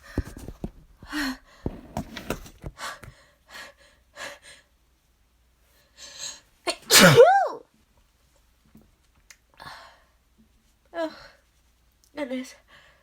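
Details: Quick breathy catches build to one loud, drawn-out voiced sneeze with exaggerated vocal buildup, then further short sniffs and catches; repeated allergy sneezing with nose-blowing.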